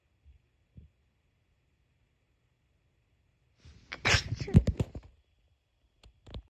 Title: sneeze 10